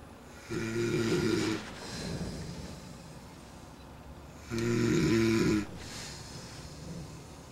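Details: Two loud, buzzing inhaled snores about four seconds apart, each followed by a softer breath out; snoring in a Greek boy who claims he doesn't snore.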